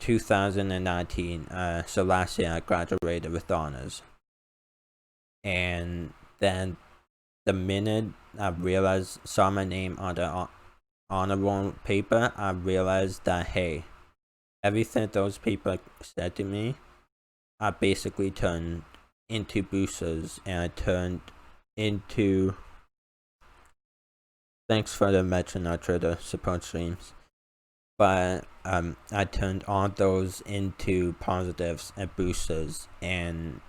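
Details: Male with a self-reported uncontrollable speech impediment, improved after about 10 years of speech therapy; formerly used an iPad talking device, not used for almost three years; speech impediment.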